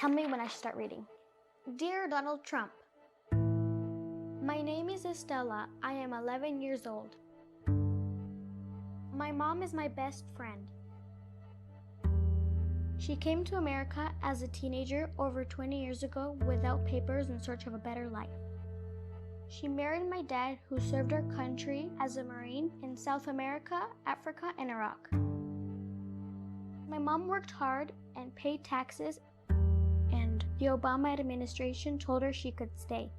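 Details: Young girl reading aloud; normal speech.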